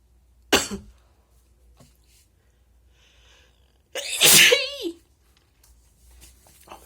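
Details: Person deliberately recording wet spray sneezes and nose blows, with some cough; two forceful, spraying sneezes a few seconds apart, the second ending in a voiced cry, in a quiet room: sneeze.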